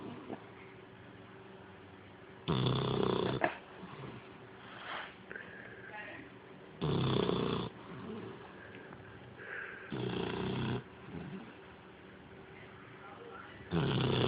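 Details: Loud rattling snores on each breath, about 15 per minute, with quieter sounds between, from a dog; snoring.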